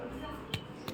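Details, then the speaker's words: Chest percussion: a tympanic note on one side, then a stony dull note over the fluid-filled lung. "As this lung is having more fluid, this should be a stony dull node."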